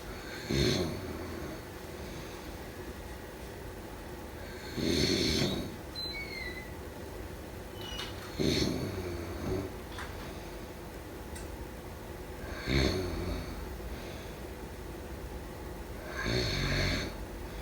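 Five loud, rough snores at uneven intervals, with quiet breathing between them. Ordinary sleep snoring.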